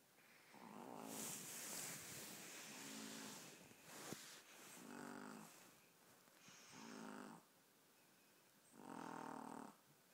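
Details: 15-week-old puppy fast asleep: small soft snores, short buzzing breaths every second or two with a faint snort; ordinary puppy snoring.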